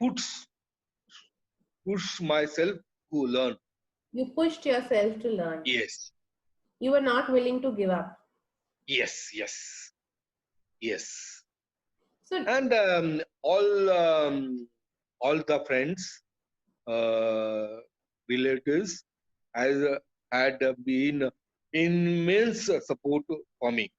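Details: Adult male, years after a haemorrhagic stroke hitting the speech centre with total speech loss, relearned speech through speech therapy; still hesitates and cannot always finish sentences: aphasia after stroke.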